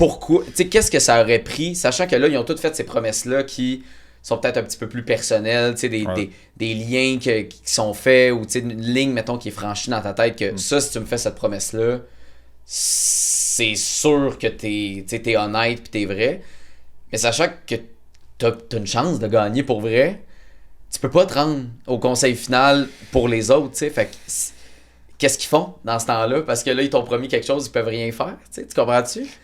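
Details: Adult male speaker; typical speech.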